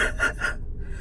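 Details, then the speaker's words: Adult woman, third week of a severe chest cold, still congested and coughing: three quick breathy, rasping laugh bursts with a cough-like quality, then fading; congested, raspy laugh. "I still sound congested I'm still coughing if I laugh it sounds like this"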